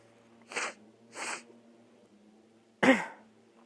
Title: I have a cold (sniffling and blowing)